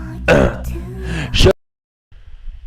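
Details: A man burping after saying his stomach hurt from eating 7-Eleven wings: a drawn-out, rumbling voiced belch lasting about a second, then silence and faint room noise.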